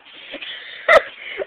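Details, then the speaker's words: An adult with persistent hiccups: a sharp voiced hiccup burst with a brief burp-like sound among quieter breathy noises; hiccup with burp. "I just hiccuped and then burped. That is really creepy."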